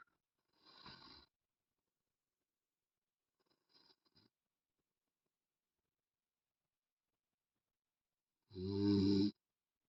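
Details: Two short breathy breaths, then one loud, deep rattling snore in a quiet room; snoring.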